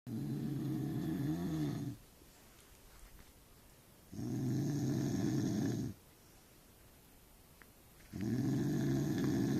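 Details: Man who claims he doesn't snore, recorded snoring: loud, low, rattling snores on each in-breath with quiet pauses between, about 15 breaths a minute.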